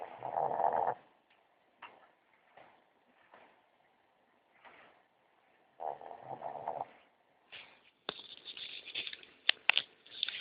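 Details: Snoring in bed: two rough, rattling breath sounds with soft snuffles between, then scratchy rustling noise during sleep.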